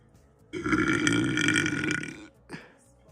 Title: #burp #belching #gassy